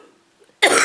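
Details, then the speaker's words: Cough in a person feeling unwell for several days with a lingering cold; a quiet room, then an abrupt harsh cough, triggered by a tickle in the throat when starting to talk, same as the day before. "sorry guys I see only happens when I start talking and you get that tickle in your floor and was the same yesterday"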